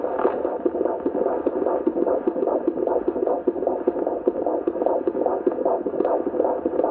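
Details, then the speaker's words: Fetal heartbeat heard on Doppler at a four-week follow-up gynecologist visit, before the 20-week ultrasound: fast, regular whooshing at about 150 beats a minute, within the normal fetal range. "I got to hear the baby's heartbeat which was awesome that was very exciting I can insert that now so you guys can hear it"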